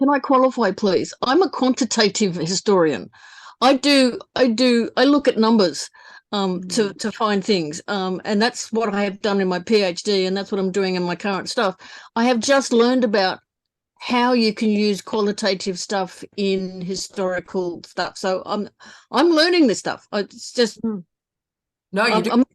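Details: Adult woman speaking; normal voice.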